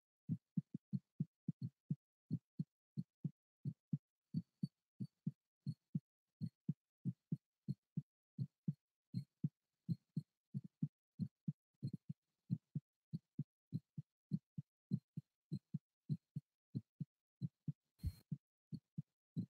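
Steady, regular paired heart thumps, about 72 beats a minute, with a brief rustle near the end; a normal heartbeat.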